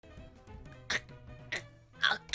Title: Sneeze Fail for 1 minute